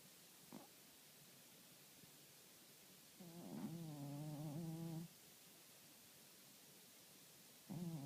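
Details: Single soft, buzzing, slightly tonal snore-like breath lasting about two seconds, with brief faint breath sounds in a quiet room; snoring.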